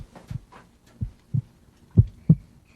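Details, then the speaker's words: Child's heart at a doctor's checkup, heard through the doctor's stethoscope in a children's TV show; soft, regular, low heart thumps at about 60 per minute, a dubbed sound effect with no murmur: normal heart sounds. "That's pretty cool. I can hear my own heart."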